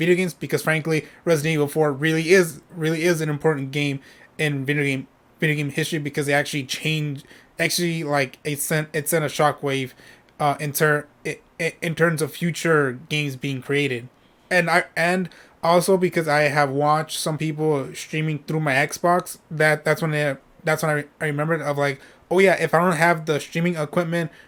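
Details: Adult male streamer who says he stutters when speaking and often repeats himself; stuttering.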